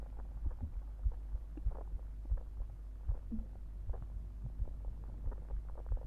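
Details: Regular low heartbeat thumps around 90 a minute under a steady hum, with occasional gurgling stomach growls mixed in, recorded after drinking soda.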